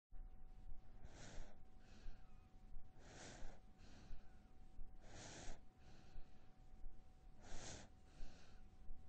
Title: 사람 목소리, Human voice, Baby Sleep Breaths, 0분 16초